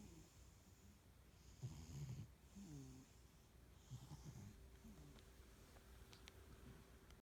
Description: I heard snoring and realized our Norwegian forest cat was sleeping behind me on the couch.